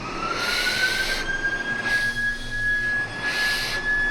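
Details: Ventmed DS8 (ST30) BiPAP set to 15 breaths per minute, demonstrated with no mask attached: a steady machine whine with regular rushes of airflow about every 1.5 seconds.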